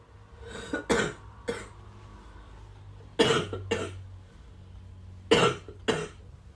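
Three pairs of short, harsh coughs separated by quiet pauses, six coughs in total.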